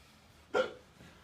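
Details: Hiccup, acted for comedy, from a man said to have had hiccups for a few hours: a single short, sharp voiced hiccup.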